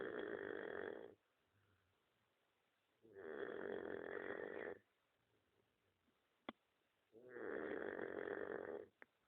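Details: Dog snoring: slow, regular rasping snores on each breath with quiet pauses between, in a quiet room.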